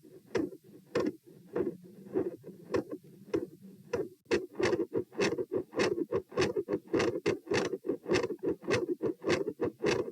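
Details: Heart sounds recorded at position P with the same subject standing: fast, repeated thumps with a soft whooshing murmur in the gaps at first, then crisper beats; across recordings the murmur varies from absent to continuous and from very loud to very quiet.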